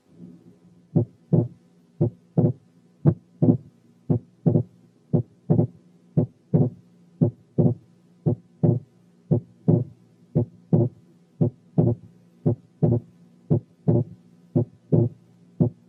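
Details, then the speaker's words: Right bundle branch block: regular heart sounds near 57/min with wide but variable splitting of the second heart sound that varies with breathing. "أقول لكم كده: رقم 1 كان opening snap، رقم 2 كان gallop، رقم 3 كان wide but variable splitting of the second sound في حالة right bundle branch block، رقم 4 كان third heart sound من غير tachycardia."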